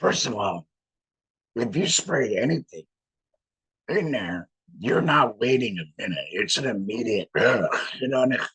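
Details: Male laryngectomee with no larynx speaking through a voice prosthesis in a tracheoesophageal puncture, air directed up through the prosthesis to vibrate muscle; real tracheoesophageal (alaryngeal) speech.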